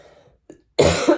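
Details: Single loud, harsh cough burst after a short pause in a quiet room, from an adult woman coughing repeatedly while stitching.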